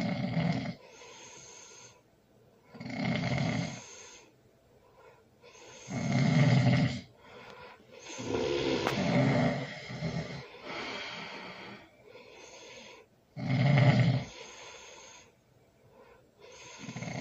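Loud, rough snores come in regular bursts, with softer snorting breaths between them.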